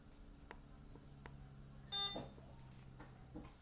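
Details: Quiet room hum with scattered clicks and one short electronic beep from bedside equipment in a patient's hospital room; patient has an IV line.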